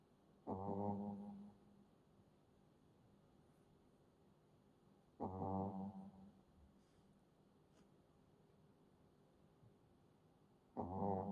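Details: Sleeping Shih Tzu puppy: three slow, rattling snores at about eleven a minute with quiet pauses between; ordinary snoring.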